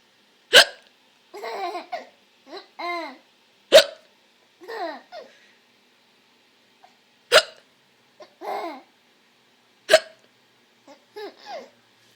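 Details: A young child laughing at their own hiccups: four sharp hiccups roughly every three seconds, with babbling and laughing between them.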